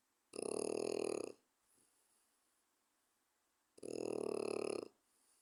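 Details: Four-month-old French Bulldog snoring while asleep: two loud, buzzing, rattling snores about three and a half seconds apart, each lasting about a second, in a quiet room.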